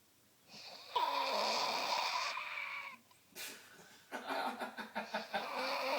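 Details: Loud, harsh, screechy snoring with a long rasping breath and then a rapid fluttering, rattling stretch; listeners compare it to a pterodactyl and question whether it is real.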